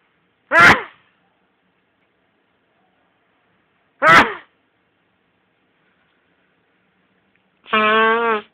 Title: SNEEZING AND BLOWING MY NOSE IN THE MORNING